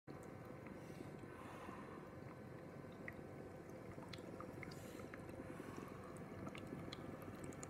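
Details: Operating sound of a new compact, easy-to-use KCareU oxygen concentrator machine.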